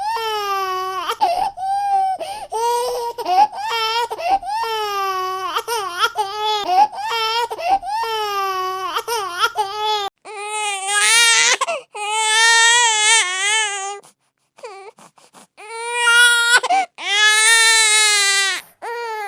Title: DAUGHTER CRYING COMPILATION |CUTE BABY CRYING MOMENT | NEWBORN CRY SOUND EFFECT | BABY CRYING SOUND